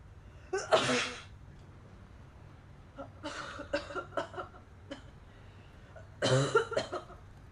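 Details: Girl sneezing and coughing: three sharp sneezes, the middle one with a few quieter follow-on bursts, against faint room noise.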